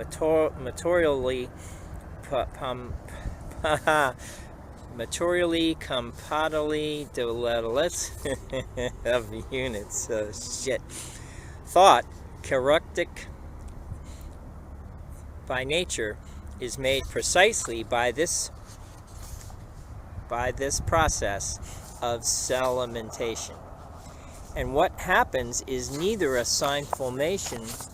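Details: Adult man recorded on his phone while aphasic after a 2011 ischemic stroke; speech sounded fine to him at the time, with problems evident only later in transcripts; aphasia.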